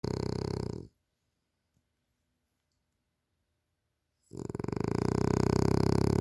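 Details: Frenasia snoring loudly during sleep: loud, rattling snores on two breaths with a quiet pause of about three seconds between them.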